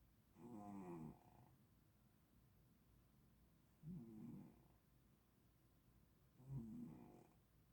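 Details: Three soft low fluttering snores from a sleeping cat, about three seconds apart, each on the in-breath; about 20 breaths a minute.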